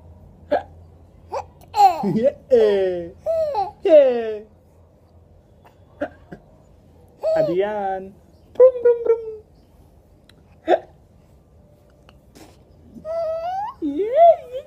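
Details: Several short, abrupt voiced hiccups in a child, between vocal sounds and giggles.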